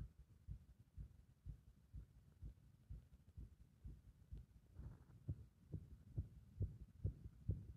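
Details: Low heart thumps with uneven spacing and shifting loudness, strengthening toward the end, the rhythm thrown into disorder by applied compression; irregular heart rhythm.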